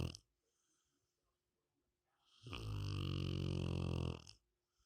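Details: Sleeping Rottweiler dog snoring: a single long, deep, rumbling snore on an in-breath, with quiet pauses before and after.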